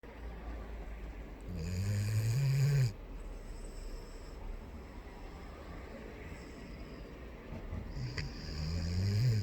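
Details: Deep, low rumbling snores with a rising pitch on each breath, separated by a long quiet pause; ordinary snoring.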